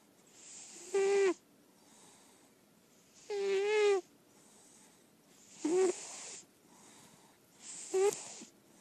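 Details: Senior lilac point Siamese cat, indoor-only and in good health per owner, snoring heavily while asleep: loud, tonal, squeaky snores roughly every two seconds with quieter breaths between.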